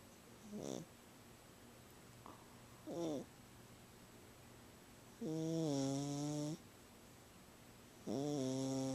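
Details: Loud, pitched, buzzy snores on each breath from a sleeping cat that snores whenever she sleeps, louder than normal today; some are long and drawn out, against steady room hum.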